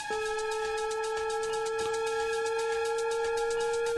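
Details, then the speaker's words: Defibtech Lifeline DDU-100 AED demonstration: after shock advised, a steady rising electronic charging tone as the unit prepares to deliver a shock, with the prompt to stand clear. "AED determines that the victim requires a shock the unit will automatically charge and will prepare to deliver a shock during this time do not touch the victim"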